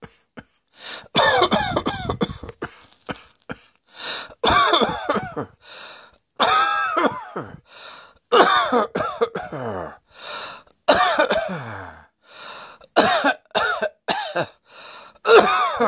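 Repeated bursts of harsh coughing with throat clearing and pauses between fits, in a quiet room.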